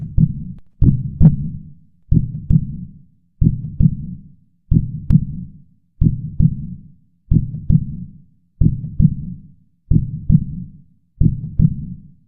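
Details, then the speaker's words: Regular paired low lub-dub thumps, about 46 cycles a minute, in an illustration of normal heart sounds: S1 from tricuspid and mitral closure, S2 from aortic and pulmonary valve closure. "S1 is closure of tricuspid and microbial S2 is closure of aortic and Pulmonary bowel"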